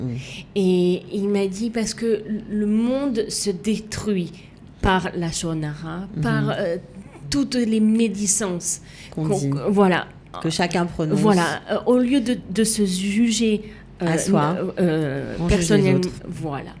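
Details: Aphasia in a woman, persisting after an accident with cardiac arrest requiring defibrillation and coma, with right-sided hemiplegia; for years she could not place her tongue correctly, and she spent 7 years relearning to walk and speak.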